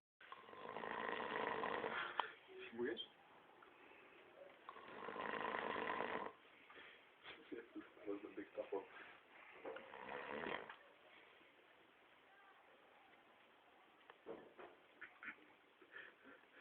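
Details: A friend's snoring: about three loud, rattling snores on the in-breaths, with quieter noises between them; ordinary snoring.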